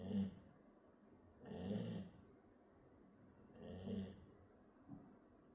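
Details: Sleeping puppy snoring: soft, regular snoring with a gentle rumbling breath roughly every two seconds.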